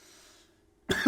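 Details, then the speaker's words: Adult takes the first bong hit of the day of Bubba Kush, an indica hybrid: faint hiss, a short silence, then one sudden harsh cough cut off at the end. "i'm going to take my first hit of the day i am smoking delicious bubba kush is a indica hybrid 9010 split"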